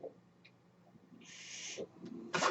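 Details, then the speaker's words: Low steady hum, rising airy hiss of a delivered breath, pause, then sharp puff of release from a man's home ventilator while he speaks; home mechanical ventilator breath cycle. "My name is. That noise you hear is my ventilator."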